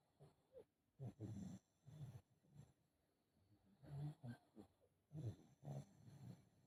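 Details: Foster pug with brachycephalic obstructive airway syndrome, first of recordings before and after BOAS surgery: repeated low snorting breaths with grunting rattles, snoring from upper-airway obstruction.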